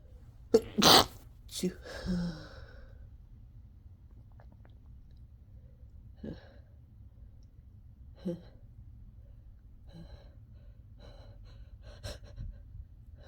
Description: I sneezed once and then couldn't help but induce myself into a fit of sneezes